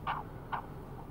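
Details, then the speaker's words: Fetal heartbeat of a baby girl played back from a recording device: quick, soft, tinny thumps in a rapid regular rhythm. "It's the baby's heartbeat."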